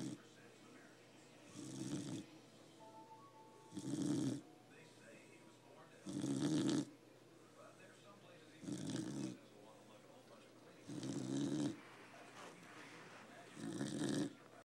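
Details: Sleeping dog gives six rough snores about 2.4 seconds apart, roughly 25 a minute, with quiet breathing between and faint room noise; snoring.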